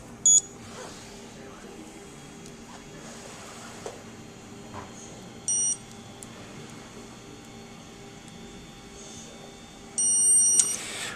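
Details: Short high electronic beeps from a dental curing light switching on and off over quiet room hum, while the Solo bonding agent is light-cured on a bonded lower 3-3 lingual orthodontic wire held in place with a rubber band.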